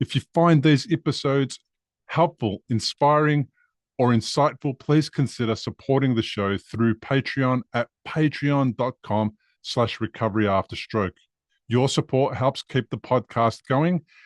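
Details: Adult male speaker; normal speech.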